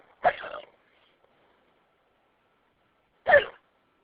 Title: Hiccups(audio only)